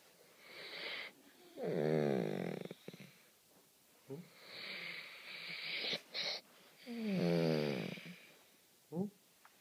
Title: Cute golden snoring